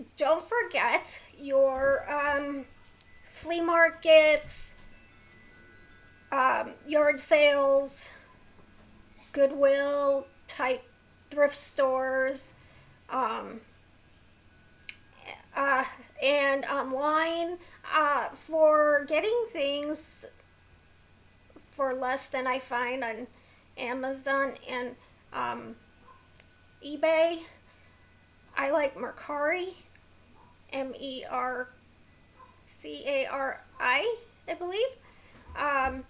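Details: Adult woman with a neurological condition causing tremor of the hands, voice and head, plus mild tardive dyskinesia; she strains to talk, which has made her throat sore; vocal tremor.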